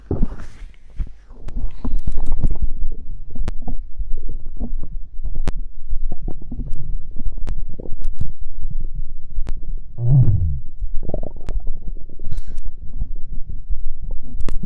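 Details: Stomach growl after drinking cider (fizzy drink): low gurgling and rumbling from the abdomen with intermittent squelches; ordinary bowel sounds.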